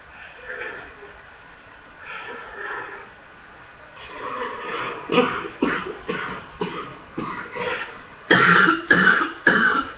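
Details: Chest congestion coughing fit: about a dozen harsh, forceful coughs after a few softer ones, with a full chest and a chesty, congested cough.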